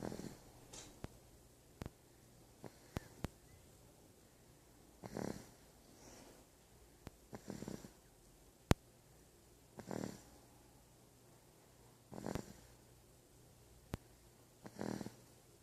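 Soft, irregular low snoring noises roughly every two to three seconds, with scattered sharp clicks and faint room hum.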